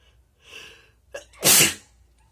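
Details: Person deliberately recording wet spray sneezes and nose blows, with some cough; quick inward breath then one loud, explosive, wet sneeze: sneeze.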